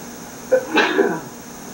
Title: Sneezing In Sunlight